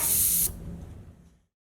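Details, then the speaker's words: Veterinary dental cart (Beyes Comfortek) water trap purge: pressing up on the valve releases a brief loud hiss of air and water, fading to quiet within a second; system pressurized at 0.6 MPa. "underneath you'll see this which will collect any water that's coming through the system before it gets up top this can be purged out by pressing up on the valve"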